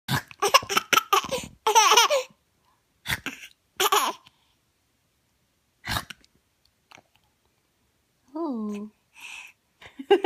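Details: Baby laughing, with short, sudden catching sounds breaking into the laughter and a brief coo after; laughing hiccups.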